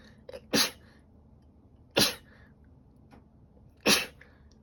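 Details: Female with allergies who has been sneezing nonstop since the previous night: three sharp sneezes, each preceded by a brief intake of breath; repeated allergy sneezing.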